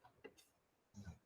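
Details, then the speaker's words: Faint, brief, low snorting rumble of a pet dog snoring during a nap in a quiet room. "That's my dog snoring, y'all, if you hear it. He's always, it's nap time in the Priolo household right now."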